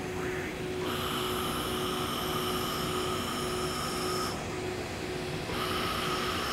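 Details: Long-pulse Nd:YAG 1064 nm laser hair removal for dark skin types IV–VI, with a cold-air blower cooling the surrounding skin: a steady cooling hiss with a faint high tone that starts and stops during treatment.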